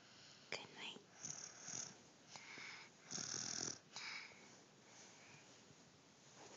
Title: SNORING BABY